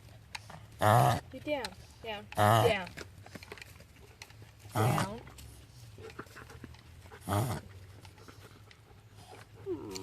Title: Gasping